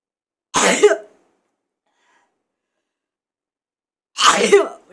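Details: Two sharp sneezes about three and a half seconds apart in a quiet room; ordinary sneezing.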